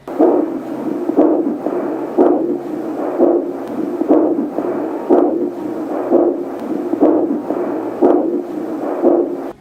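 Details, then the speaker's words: Fetal Doppler (100A) probe on the mother's abdomen picks up regular whooshing pulses at about 60–70 per minute, matching her heartbeat: maternal abdominal aortic pulse, not fetal heart; probe should be moved to find the fetal heartbeat. "数值在70左右的妈妈脉搏，应该换其他的位置再次寻找。"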